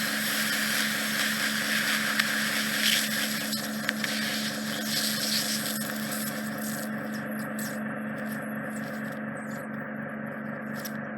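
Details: Loud continuous suction roar with hissing that fades as a large lump of impacted wax, trapped deep near the eardrum in the narrowed isthmus of a woman's ear canal, is drawn out by endoscopic microsuction after lubricating drops.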